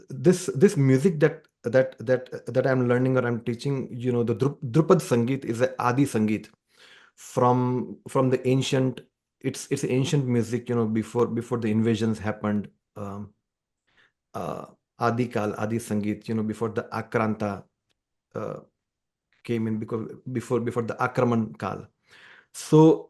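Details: Adult man, a musician who stammers and says music has helped his stammering, in conversational speech: stuttering (stammering).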